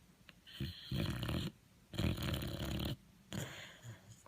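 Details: Sleeping Boxer dog: three loud, rough, low rattling snores with quiet pauses between them, likened to a man snoring.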